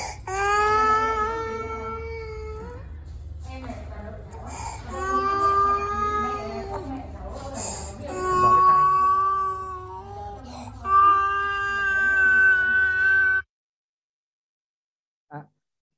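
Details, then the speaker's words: Child's laryngeal stridor: long, high-pitched musical whistles on each breath from a narrowed upper airway; inspiratory stridor, part of a laryngeal syndrome with hoarseness and barking cough. "thở rít thanh quản thì nằm trong hội chứng thanh quản bao gồm thở dít khàn tiếng Hoa ông ỗng"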